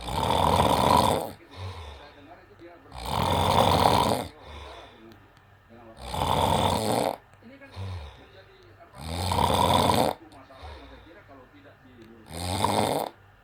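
Loud, rough snores recur about every three seconds, roughly 20 breaths a minute, with quieter breathing between them; steady, regular snoring.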